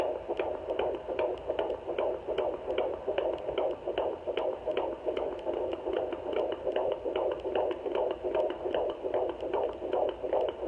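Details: Fetal heartbeat on a home fetal Doppler at 17 weeks 2 days of pregnancy: rapid, regular, whooshing, galloping pulses at about 150 a minute.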